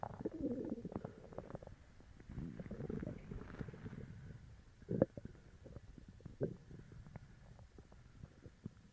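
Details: Upset stomach after eating sugar-free gummies: low gurgling and rumbling bowel noises with a few louder squelching bursts; borborygmi.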